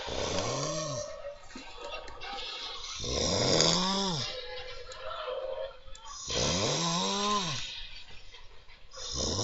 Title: ксстин Храпуны